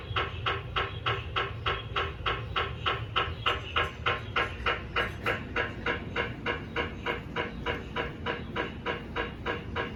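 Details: Steady rhythmic knocking, about 200 pulses a minute, with faint background hum, from a GE 1.5 Tesla MRI scanner running daily QA scans (RF pulse 63.8 MHz, TE 25, TR 300); MRI scanner noise.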